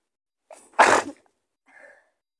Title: Sick Powerful Sneezes🤧 right next to you